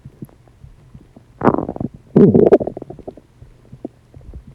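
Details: Loud digestive noises from a person's stomach: two loud gurgling, bubbling rumbles with quieter gurgles between; ordinary borborygmi.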